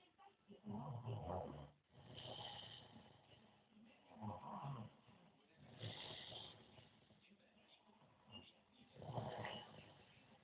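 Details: Man in bed, recorded by his girlfriend while snoring heavily: loud, rough snores about every three seconds, about 18 breaths a minute, with faint room noise between.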